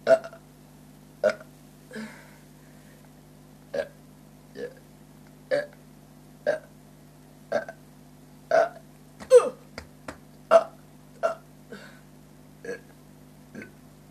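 About a dozen short, abrupt vocal bursts at irregular intervals over a steady background hum, fitting repeated burps.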